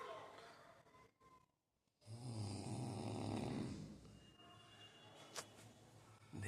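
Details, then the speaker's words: Roommate/friend snoring very loudly while asleep: a loud, rough, low rattling breath sound over room noise, with a pause before it; heavy snoring. "भाई साहब मेरा दोस्त ले रहा है खराटे जोर जोर"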